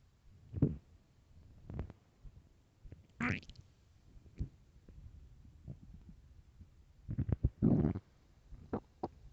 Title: empty stomach growls